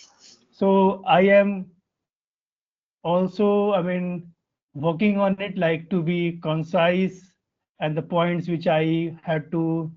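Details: Adult Indian man whose stuttering began around class one or two and still affects his speech in meetings; real, developmental onset; stuttering.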